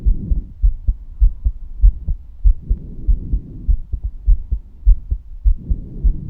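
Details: Female heartbeat: steady low thumps at about 100 a minute, each lub-dub pair clear against a soft breathy hum; an ordinary heartbeat.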